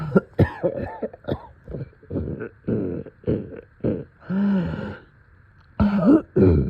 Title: Middle of night coughing and deep chest congestion